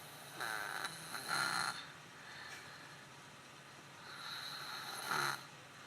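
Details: Heavy snoring during sleep: two loud, rough, rattling snores on the in-breaths, separated by a quieter out-breath, over about six seconds.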